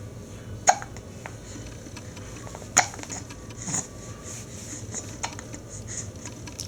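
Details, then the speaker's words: Infant boy nearly seven weeks old with relentless hiccups: three short, sharp hiccup bursts spaced irregularly over a few seconds, with quiet room noise and a parent talking; ordinary infant hiccups. "oh they're so loud yeah they're really loud aren they they annoying you are they annoying are they annoying go away hickups say go away go a go away go away"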